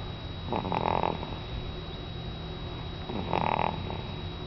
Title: snoring baby